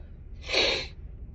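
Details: Adult female sneezing, mostly from dust allergy: a single explosive, hissing sneeze burst lasting about half a second.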